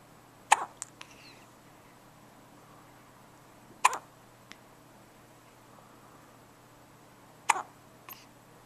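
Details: Newborn baby girl, six hours old, on her birth day: three short, sharp hiccups about every three and a half seconds, small clicks between, over quiet room hiss; newborn hiccups.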